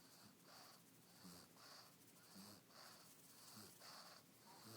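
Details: Pug, a flat-faced dog described as lazy and fat, snoring: quick, raspy, snorting breaths about 54 a minute with a wheezy hiss on each; noisy rapid breathing.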